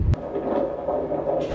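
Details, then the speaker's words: Muffled rapid whooshing Doppler fetal heartbeat at a prenatal appointment, secretly recorded on a phone in a purse; nice strong heartbeat in the 150s, within the stated normal 110 to 160. "There's your baby right there. Nice strong heartbeat. So baby's heartbeat today is right in the 150s."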